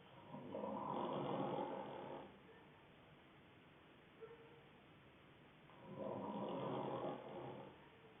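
Two long, rough, rattling snores in a quiet room, about 5 seconds apart: ordinary snoring from vibrating soft tissue in the throat during sleep.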